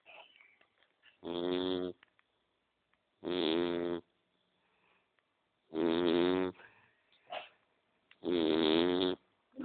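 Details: Four loud, buzzing snores, each about a second long and evenly spaced with quiet pauses, from a sleeping female described as a real lady; steady sleep snoring.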